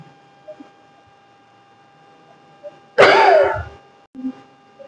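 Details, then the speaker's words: Demonstrated deep coughing exercise (nursing procedure for pneumonia and bronchitis patients): breathe deeply, hold, then one forceful deliberate cough from the belly in a quiet room. "In this exercise, we used the techniques are breathe deeply, hold and cuff forcefully from belly. This is used for pneumonia patient and bronchitis patient."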